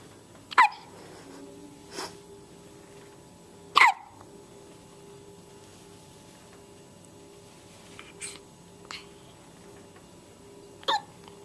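Sharp, abrupt gulping catches recur irregularly about five times in eleven seconds against quiet room hum, typical of hiccups.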